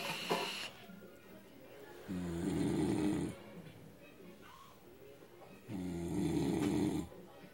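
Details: Adult man, a heavy alcohol drinker, snoring in sleep: loud, deep, croaking bullfrog-like snores on inhaling, about 16 breaths a minute, with quiet breathing between them; heavy snoring.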